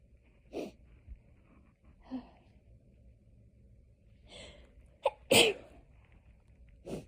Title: Hayfever sneezing fit edit loop 6 ½ minutes. #sneezingfit #achoo #sneezing #hayfever